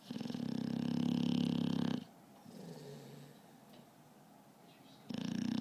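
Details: Adult snoring: loud, buzzing, rattling snores on inhalation, with a quieter breath out between them.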